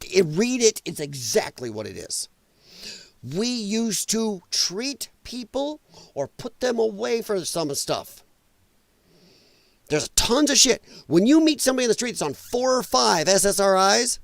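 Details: Male with dysphonia from vocal cord damage caused by infections related to his lung problem; he describes it as a disability. Finding: dysphonia.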